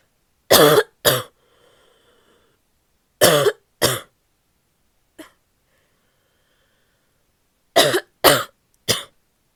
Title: barky coughing fit (f)